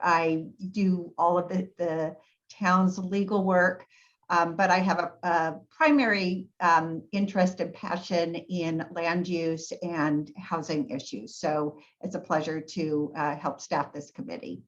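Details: Adult woman speaking; typical speech.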